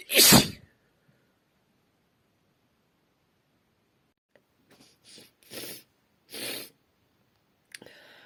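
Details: Female sneezing with tissues: one loud explosive sneeze, then quiet rustling and short puffs of breath, likely from handling tissues; single ordinary sneeze.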